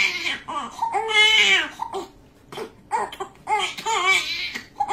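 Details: Newborn pain cry during circumcision: high-pitched, loud, sustained crying in repeated bursts with brief gasping pauses.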